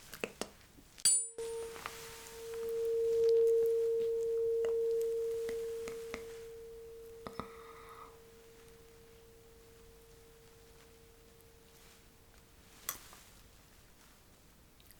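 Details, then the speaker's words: Tuning fork hearing test in a simulated ASMR cranial nerve exam role-play; a struck tuning fork rings with a steady pure tone slowly fading while the patient signals when the sound and vibration stop. "you remember what to do you just let me know when you stop hearing the sound and the vibration you cannot hear it anymore"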